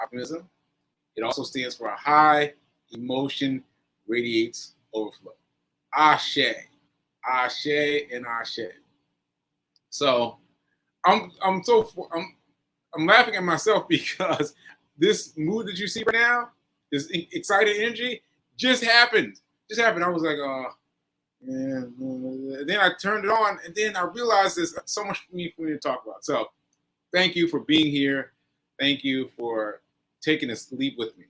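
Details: Post-stroke aphasia in an adult man, stroke on 7/14/22, recorded 7/4/23 during recovery; word-finding difficulty with fillers and restarts; aphasia (word-finding difficulty).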